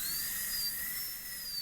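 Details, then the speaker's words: High-speed dental handpiece in a maxillary molar DO Class II prep in a live teaching demo, with the bur held vertical against the lingual wall to cut away from it: a steady high-pitched whine with slightly wavering pitch. "put the bur against the lingo wall make sure it's vertical position it where I want to actually drill a hole and cut away from this wall"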